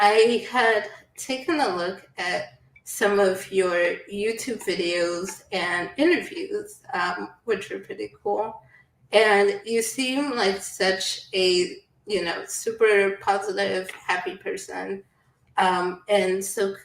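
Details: Adult woman speaking; normal speech.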